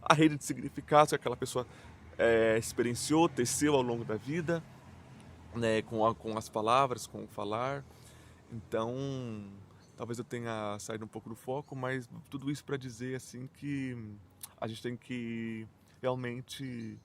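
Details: Real stuttering in an adult man, which he describes as mainly blocks and silences rather than repetitions and says may not be very evident.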